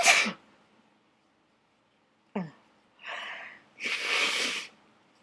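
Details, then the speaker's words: Dust-triggered sneezing fit in an attic: a loud sneeze, sharp intake, then two more forceful, drawn-out sneezes in quick succession; very big, messy sneezes. "I'm gonna sneeze these are really big and really M oh my God this is a really pretty epic fit"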